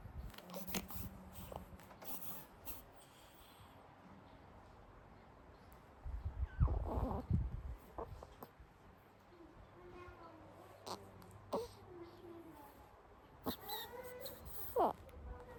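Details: Newborn baby sleeping: soft, intermittent grunts, squeaks and little coos with quiet breathing between; normal sleepy newborn sounds.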